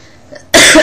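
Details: A single loud, harsh cough after a brief quiet moment, from an adult woman who is sick with a painful throat and hoarse voice; coughing during illness.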